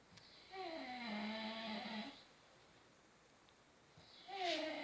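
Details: Father asleep: a long, rattling, voiced snore on the in-breath, then a quiet pause and the next snore starting; loud snoring during sleep.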